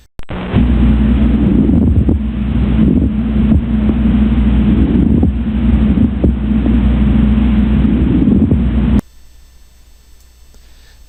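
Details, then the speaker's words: Pleural friction rub: coarse, low creaking and grating with breathing, likened to a creaking wooden ox-cart wheel, usually at end-inspiration and start of expiration over the inferolateral and posterior chest. "às vezes eu comparo o ruído do atrito pleural H um carro de boi aquele aquela coisa antiga do Carro de Boi em que aquela roda de madeira Range conforme ela vai se movimentando"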